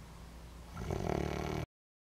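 A single rough, rattling snore rises out of quiet breathing noise and cuts off abruptly; snoring.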